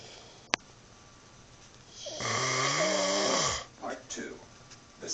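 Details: Sleeping person snoring: a single loud, buzzy, vibrating breath of about a second and a half in a quiet room.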